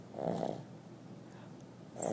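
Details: Loud snoring during a nap: a rough, rumbling snore on the in-breath, followed by a quieter pause and the start of another snore.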